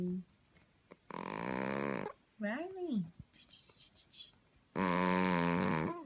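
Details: Sleeping cat gives two long, loud, buzzing, human-like snores, with a person calling out briefly between them; snoring.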